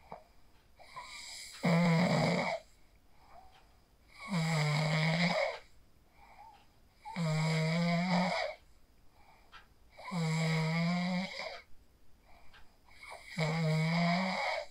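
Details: Phone recording of a sleeper after practicing the 4-7-8 breathing technique: loud, regular rattling snores on each breath, about 21 a minute, with quiet pauses between; heavy snoring during sleep.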